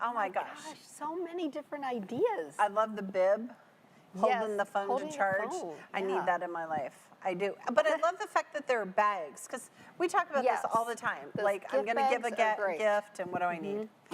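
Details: Adult women talking, apparently two in conversation; normal speech.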